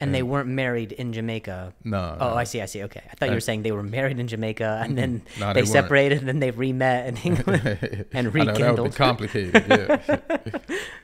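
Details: Stuttering in an adult host who is described as fighting through a stutter; word repetitions are audible.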